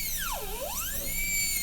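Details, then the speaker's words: High-speed dental handpiece extending gingivally on an MOD amalgam preparation of tooth 29 on an Acadental typodont in a teaching demo: piercing high-pitched whine dipping in pitch under load, then rising again. "Now we're just going to look this way, lean the burr a little bit lingually. Get about 1 millimeter depth."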